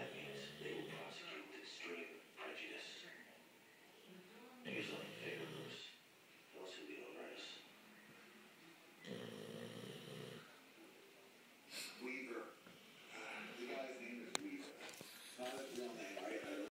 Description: My bully on the couch snoring up a storm